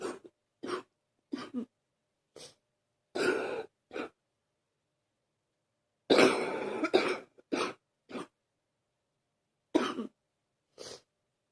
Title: # 86 deep coughing continues